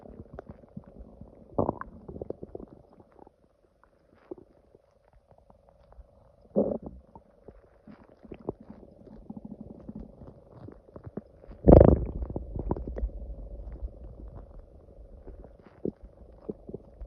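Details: Irregular gurgles and rumbles with a few loud growls and a faint steady hum behind them; loud stomach growling (borborygmi), ordinary bowel sounds.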